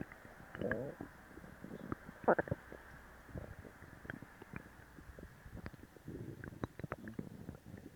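Quiet gurgling and rumbling bowel sounds, with pops and bubbling over several seconds, from active stomach growling.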